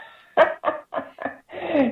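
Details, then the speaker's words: A stray cat coughing: a short series of about five harsh, hacking bursts in a quiet room. "He was coughing. I couldn't hear him coughing over myself coughing. Okay, I was like, he just started coughing."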